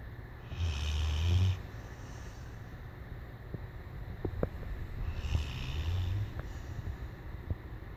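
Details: Puppy snoring while asleep (owner says it dreams and snores often): two low rumbling snores with a hissy tail, quiet breathing and soft clicks between; snoring.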